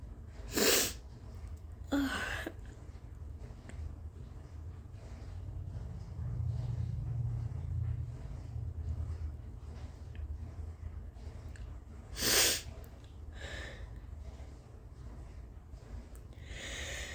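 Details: Sick adult with a suspected 24-hour stomach bug or flu and a fever felt to be at least 101 gives a few sharp, explosive uncovered coughs and one sneeze over a low room rumble.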